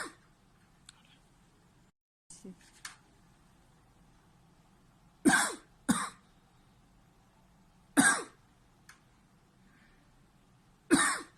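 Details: 40-year-old man with 2 months of paroxysmal cough from a right vagus nerve schwannoma: sharp cough bursts, some in pairs, set off by pressure on the neck mass; a reflex paroxysmal cough.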